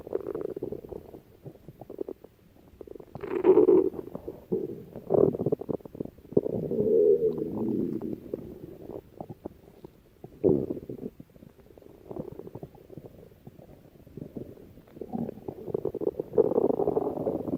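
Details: Adult's stomach growling: bubbling, gurgling rumbles and low groans from ordinary bowel activity; borborygmi.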